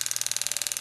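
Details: Powered periotome (Powertome) used for tooth extraction during dental implant treatment to preserve bone, tip in the periodontal ligament space via full-thickness flap, mesiofacial then distal; fast, regular high-pitched mechanical tapping, about twenty pulses a second, loosening the tooth.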